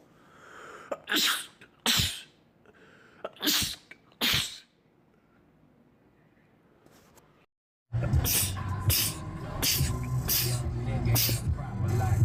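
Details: Sneezing from a compilation of men's rapid sneezing attacks: several sharp sneezes in quick runs, then a burst of louder sneezes over background noise.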